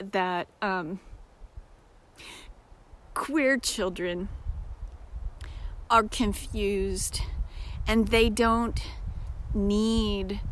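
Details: Self-described disabled woman with episodic aphasia occurring several times a day, sometimes briefly, that she says can sound like mocking a foreign-language speaker; aphasia.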